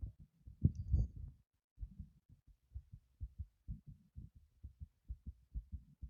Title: Heart pumping after lifting a heavy object #heartbeat #heartsounds